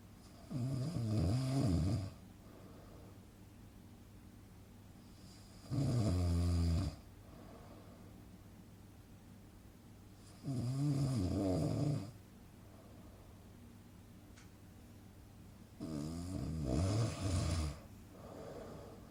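Deep, rumbling snores on each breath in, about 12 a minute, with quiet pauses between. This is a sound-effect recording of ordinary snoring.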